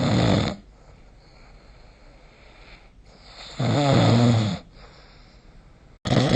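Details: Snoring during sleep recorded with the SnoreLab phone app: loud, low rattling snores on inhalation separated by quiet pauses; ordinary snoring.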